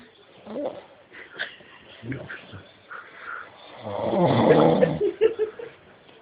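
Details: Adult man snoring while asleep: a rough, rattling snore on an in-breath with softer breathing noises around it.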